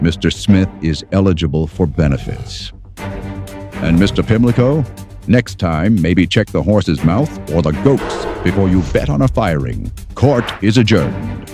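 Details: Adult male voice, acted; normal speech.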